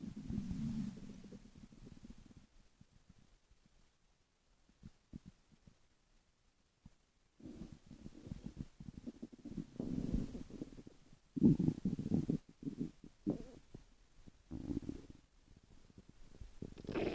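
Low gurgling and rumbling bowel sounds that come and go between quiet stretches, ordinary stomach growling.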